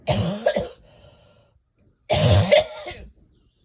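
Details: Two harsh, rough coughing bursts with a throaty rattle from a person whose chest feels like cement with congestion; a chesty cough that is not yet breaking up.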